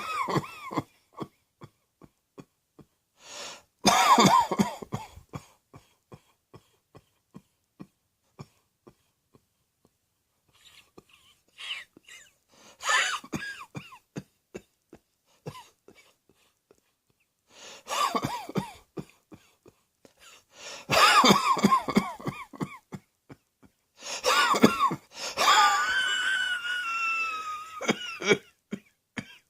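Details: Acted adult coughing: several bouts of harsh coughing and throat clearing separated by quiet pauses.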